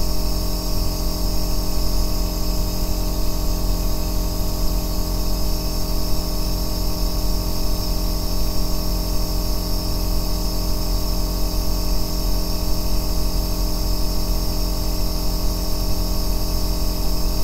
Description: ASMR 2 Hours of Aerosol Nebulizer Sound | O Melhor Ruído Branco para Dormir e Relaxar